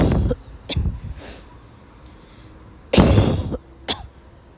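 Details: A young woman, sick that day with a sore throat, has a violent dry coughing fit that made her leave class: repeated harsh, forceful coughs with noisy, gasping breaths between bursts.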